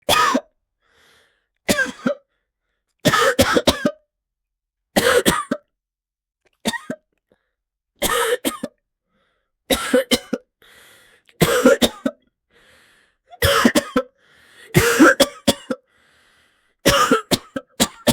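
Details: Acted adult coughing recorded as a sound effect: repeated short bursts of one to three coughs with some throat clearing, about 11 episodes.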